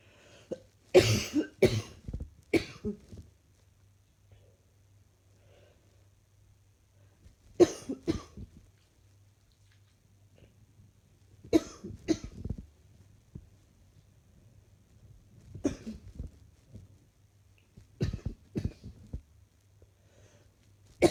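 Repeated bouts of short, harsh coughs, about six clusters over twenty seconds, with quiet gaps between; an ongoing cough.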